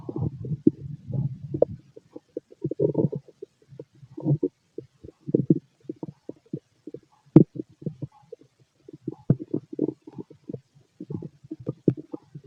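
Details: Bubbling, gurgling rumbles in irregular bursts from an adult male's belly, described as healthy digestion and loud in person; stomach growling, normal bowel sounds.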